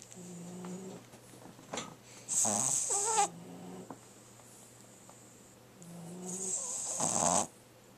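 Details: French Bulldog puppy snoring heavily: wheezy, whistling snores with snorting inward breaths, two or three in eight seconds.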